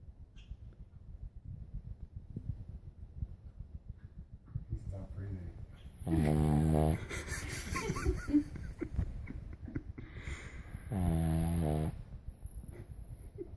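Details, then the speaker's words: Cavalier King Charles Spaniel puppy asleep, giving two loud, rough, drawn-out snoring breaths amid soft breathing and room noise; snoring. "That's awesome. You snore much more aggressively than Dozy does."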